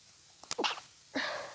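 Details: Intense sneezing fit attributed to seasonal allergies, after sneezing all day: a quick catch of breath, then a sharp burst and a second softer sneeze about half a second later.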